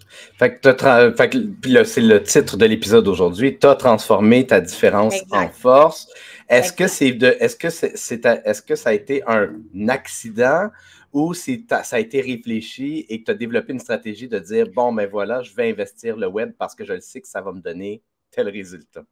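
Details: Adult male speaker; Typical speech.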